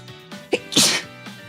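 A quick in-breath followed by one loud, explosive sneeze. Faint background music.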